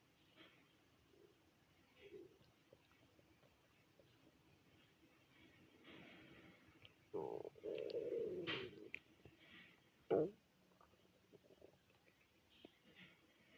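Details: Hunger stomach growling: a few low gurgling, cooing rumbles midway in a quiet room. The person had not eaten since the previous day's dinner, through a twelve-hour shift, until the next morning.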